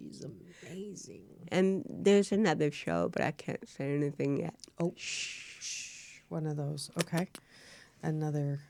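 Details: Real-life speech from a woman, an actress, who has cerebral palsy; dysarthria (cerebral palsy).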